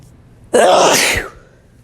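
One loud, wet, explosive sneeze from an adult man; a single sneeze.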